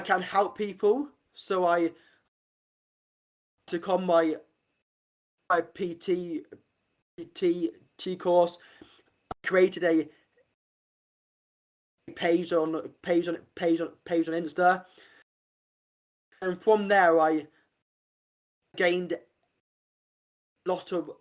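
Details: Adult man who has had a stammer since about age five; stuttering.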